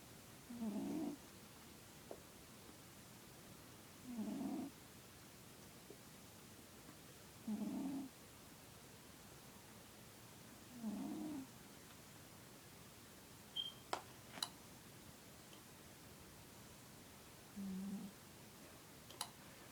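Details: Male cat snoring softly while asleep in a quiet room, with low rattling snores on each breath about every three seconds; snoring.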